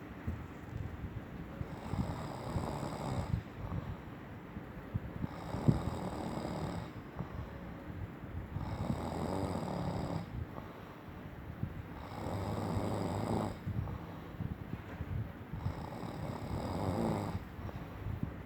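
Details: Husband snoring in bed: rough, rumbling snores on each in-breath, roughly every three to four seconds, with quieter pauses between.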